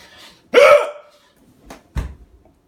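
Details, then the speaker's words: Person with out-of-control hiccups who feels they may throw up: one loud, squeaky voiced hiccup followed by two softer, sharp hiccups in a quiet room; hiccups. "why does it sound like that cuz your body is annoying I'm going to throw up if I keep hiccuping like this"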